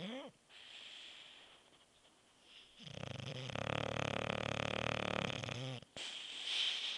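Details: Sleeping bulldog snoring: after a quiet stretch, a single loud rattling, vibrating breath lasting about three seconds, then quiet again.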